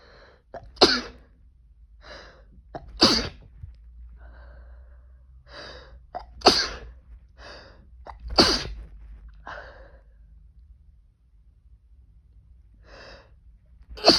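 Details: Male, easily congested, sneezes induced with toilet paper: about five forceful sneezes, each preceded by short catching inhalations, with quiet pauses between.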